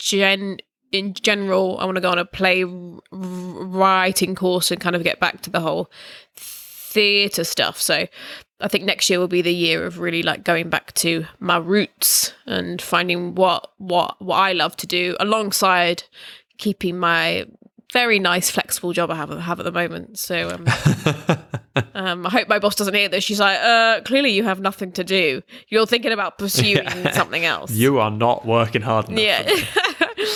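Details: Stammering in an adult, in conversational speech.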